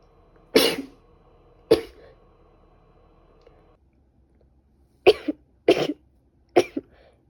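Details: Female with a bad cold: five short, sharp coughs, some with a quick double burst, in a quiet room.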